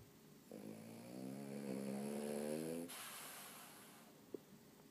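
A single long, rattling, low-pitched snore on the in-breath, lasting about two seconds, followed by quiet breathing.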